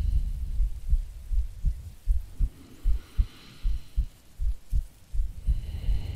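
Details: Regular low thumping heartbeat, about 78 a minute, from an ASMR creator playing a sleepy girlfriend, recorded as a sleep aid with soft rain-like hiss behind; ordinary resting heartbeat.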